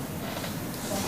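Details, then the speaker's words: Vocal imitation of low-pitched noise-type tinnitus: a steady, low, rushing "shoo" hiss. "우리가 듣고 사는 이명도 소리라는 관점에서 톤과 노이즈로 구분합니다. 그래서 삐뚱 이런 소리는 톤이고 노이즈는 이렇게 표현해요. 또는 시보다 낮은 주파수는 뭐겠어요?"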